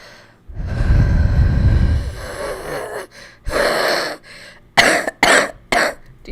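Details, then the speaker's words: Wet, rattling cough from a person still getting over a cough, described as crispy with something in there: a long, low rattling cough, then several shorter harsh, phlegmy coughs. "It's a crispy cough. There's something in there, you know."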